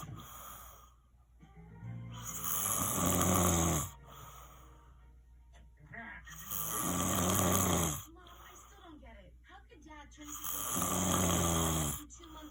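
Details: Loud, deep rattling snores on each breath in, about 15 breaths a minute, with music playing in the background; snoring recorded as proof against someone's denial that they snore.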